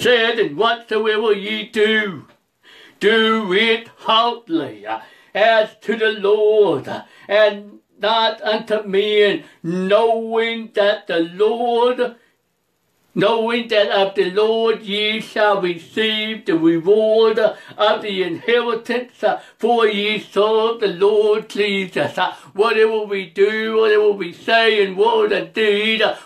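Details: Adult male preacher who reports a speech impediment, along with other disabilities including trouble seeing and hearing and being unable to drive; speech impediment.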